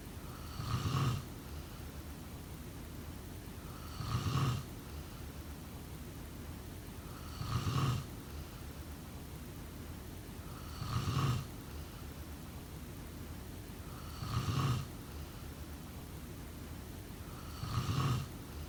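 Regular rasping snores about every 3.3 seconds, roughly 18 breaths a minute, over steady background hiss; snoring in sleep.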